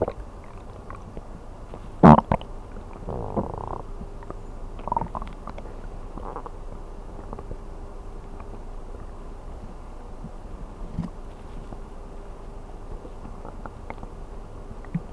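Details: Person sleeping on an empty stomach, with a few short gurgling, bubbling belly rumbles in a quiet room: ordinary empty-stomach bowel sounds (borborygmi).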